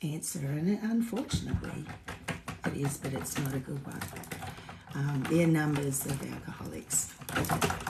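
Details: Woman with essential tremor, voice tremor worse than usual today after two days of drinking alcohol, with alcohol withdrawal shakes on top of her essential tremor; voice tremor (essential tremor).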